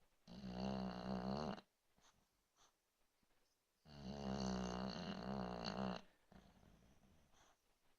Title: Bobi snoring #3